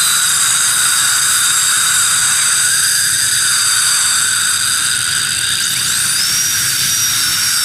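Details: Loud steady high-pitched whine and hiss of a high-speed dental drill during crown abutment preparation using a gingival protector.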